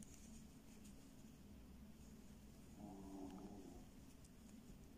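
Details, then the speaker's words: Faint, low rumbling snore from a sleeping dog, rising briefly in the middle, over quiet room noise: dog snoring. "Bon, si vous entendez ronfler, c'est mon chien."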